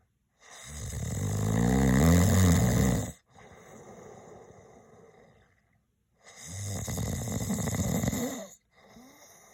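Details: An adult male snores: two loud, rattling snores on the in-breaths, each followed by a softer, airy out-breath, roughly twelve breaths a minute; a sound-effect recording.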